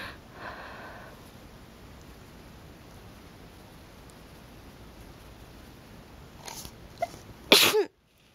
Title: some sneezes